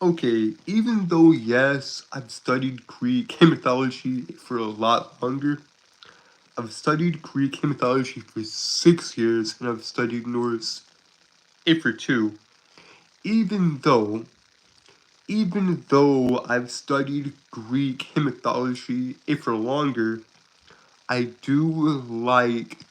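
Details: Young adult male, aged 22, who says he has a speech impediment and is currently sick, with part-word and phrase repetitions: stuttering.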